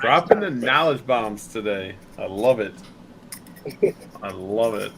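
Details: Adult male speaker; no disorder.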